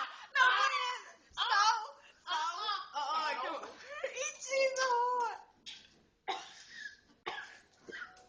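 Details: Children trying to drink foaming ginger ale without coughing: voices and laughter, then about three short, sharp throat-clearing coughs in a small room.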